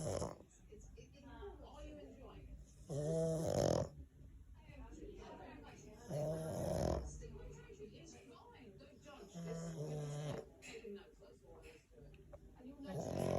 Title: Snoring French Bulldog (Snoring Dog) Just like a human!